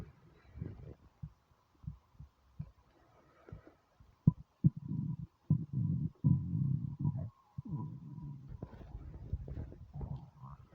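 Low gurgling rumbles and bubbling bursts, strongest in the middle of the recording; hunger-related stomach rumbling, a normal bowel sound.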